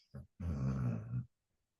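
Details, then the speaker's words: Sleeping dog in deep REM sleep: a brief low rumble followed by one longer, rough, low-pitched snore; snoring. "I'm not sure if you can hear, but um my dog is snoring right now. She's in deep REM sleep."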